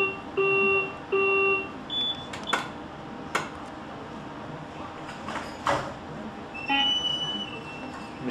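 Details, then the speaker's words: Servo-i ventilator pre-use check started by touching the pre-use check button: two short electronic beeps, then soft clicks and relay sounds as the automatic self-test begins; ventilator pre-use self-test start. "we'll begin by touching the pre-use check button most of the tests will conduct on its own and it will ask you to do certain things throughout"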